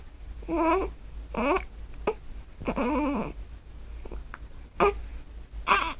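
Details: Newborn, in a recording otherwise about hiccups: short, irregular bursts of crying and fussing, with brief catches between cries, in a quiet room.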